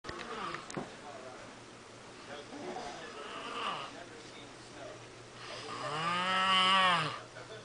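Quiet breathing noises, then one loud, rough snore near the end.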